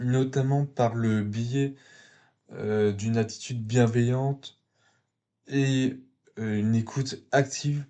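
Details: 22-year-old man speaking French, stuttering since early childhood, which was marked by a slight speech delay; stuttering.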